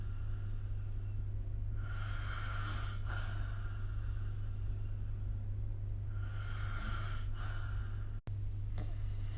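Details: Snoring during sleep, recorded with the SnoreLab app: two rough, noisy sleeping breaths about four to five seconds apart, over a steady low electrical hum.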